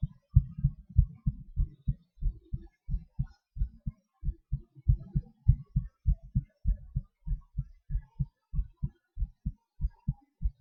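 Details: Self-recorded normal heart sounds: regular, low thumps near 97 a minute, the rate shifting slightly during breath-holds and panting (hyperventilation).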